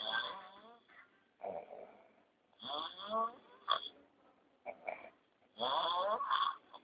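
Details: Adult husband snoring in sleep: loud, rasping snores with whistling, wheezy edges in repeated bursts on each breath; heavy snoring.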